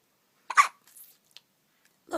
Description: 9 days old with the hiccups